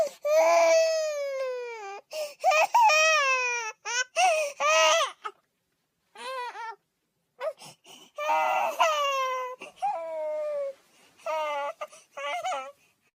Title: Baby crying sound effect